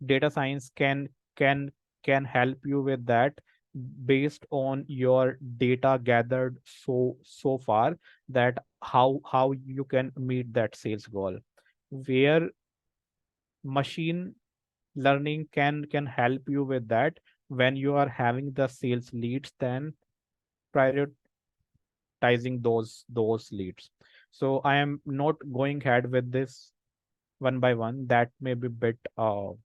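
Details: Adult male volunteer of a self-help association for people who stammer, with audible repetitions of words and part-words; stuttering.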